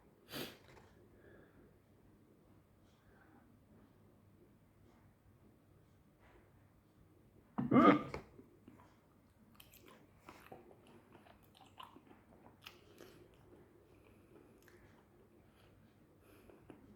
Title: hiccups during eating